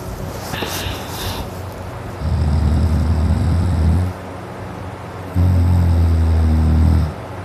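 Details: Adult male deep heavy snoring during sleep: two long, loud, rattling snores on inhalation separated by a quieter pause, after going to sleep with a very dry, sore throat.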